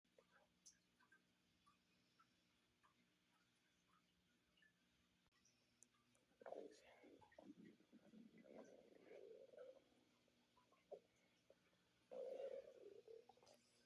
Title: stomach growling 12